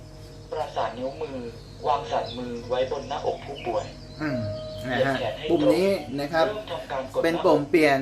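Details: Simulated AED voice prompt from a Mindray AED trainer set to adult mode, repeated by pressing the information button: recorded spoken instructions over a faint background tone.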